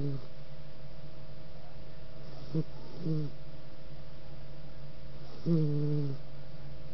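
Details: Low, droning snores in short bursts over a steady hum; snoring.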